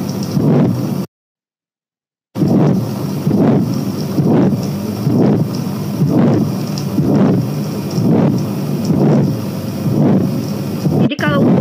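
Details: Regular beats at about 65 a minute, each carrying a harsh, rising-then-falling whooshing systolic ejection murmur of pulmonary stenosis, demonstrated in a congenital heart disease screening and diagnosis teaching session.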